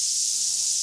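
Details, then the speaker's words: Simulated severe tinnitus, loudest sound in the room: a loud, steady high-pitched hiss; an extremely irritating sound, imagined as present 24/7. "then as you can hear, it can be an extremely irritating sound."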